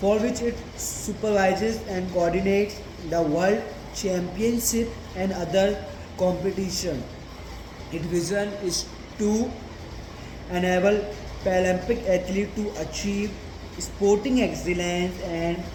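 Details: Man with a stammer reading a passage aloud as his daily stammering practice, with a word repetition here; stuttering.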